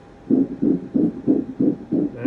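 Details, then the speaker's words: Rapid, regular whooshing pulses of a fetal heartbeat, about 180 beats a minute, on Doppler at the first OB-GYN visit at eight weeks of pregnancy; fetal heartbeat. "to see the ob gyn for the first time and hear the baby's heartbeat for the first time and if i can figure out how to i will put a quick clip of the first time that i heard his heartbeat"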